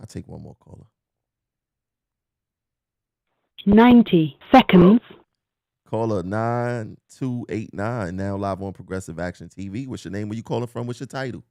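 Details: Adult male host speaking; Normal speech.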